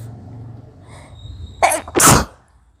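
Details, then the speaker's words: Short inward catch then a loud explosive sneeze from a woman during a sneezing challenge, triggered by smelling pungent garam masala; sneeze. "एक और आ रही है 8वीं। तो मुझे 8 चीखें आ गई अभी तक गरम मसाले से। बहुत ज़्यादा तीखा है ये, मतलब मेरे से भी ज़्यादा।"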